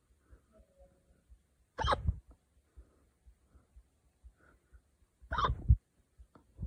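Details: Two abrupt gulping catches of breath about three and a half seconds apart with quiet breathing between, after drinking wine too fast; hiccups.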